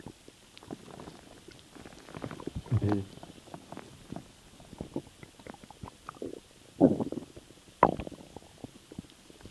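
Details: Stomach noises from swallowing air: irregular gurgles and rumbling bursts from the belly as swallowed air moves through the gut; borborygmi.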